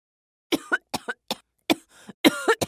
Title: Sound Effect - Coughing Women